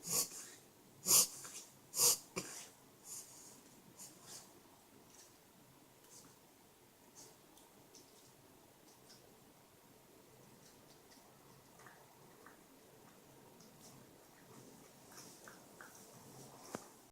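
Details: Akito sneezing while eating: a quick run of sharp, hissing sneezes, three loud ones then softer snorts fading into quiet breathing; a bout of sneezing.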